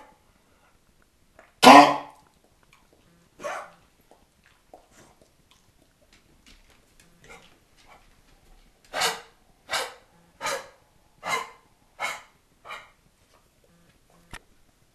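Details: Barney, a foster beagle with kennel cough, gives harsh, dry coughs, ending in a rapid run of six honking hacks.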